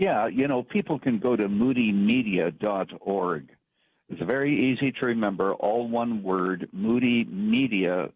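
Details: Adult man speaking; normal voice.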